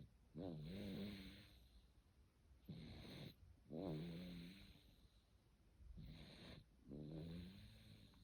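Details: Snoring.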